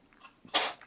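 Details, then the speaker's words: Female cat having a sneezing fit, heard in the background: a single sharp, hissy, high-pitched sneeze. "you can hear my cat having a sneezing fit in the background bobo you okay girl"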